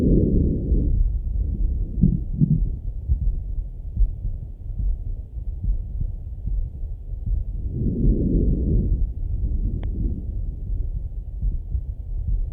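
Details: Male heartbeat and breathing heard on stethoscope auscultation: muffled low heart thuds under soft breath sounds, with heavy rumbling noise; normal heart and breath sounds.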